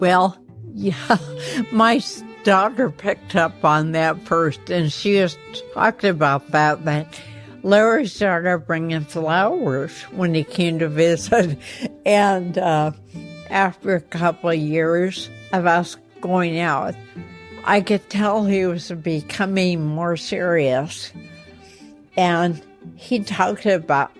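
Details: Woman with ataxia affecting her motor skills and voice; ataxic dysarthria.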